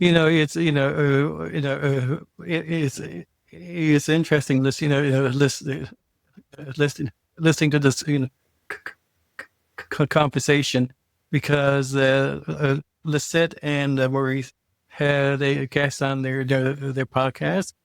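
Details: Adult male who identifies as a person who stutters; word and part-phrase repetitions; stuttering.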